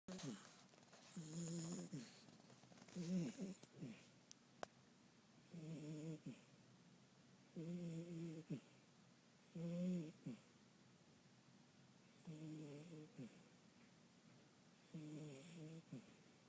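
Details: 4-month-old female Dachshund mix puppy (probably with Labrador) sitting in a travel bag: short, squeaky, whistling nasal sounds on each breath, about 8 breaths a minute, in a quiet room; puppy snoring.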